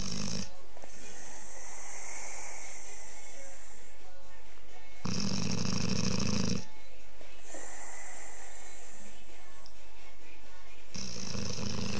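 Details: A bullmastiff snoring, described as quieter than most days: loud, deep, fluttering snores on the in-breath, roughly one every six seconds, over background music.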